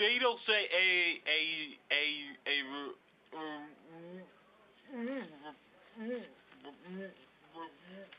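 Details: Adult man speaking; stuttering.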